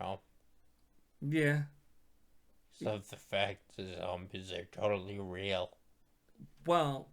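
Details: Dysarthria after stroke in a male stroke survivor, who attributes his voice to his stroke.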